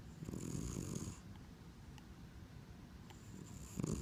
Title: Snoring Cat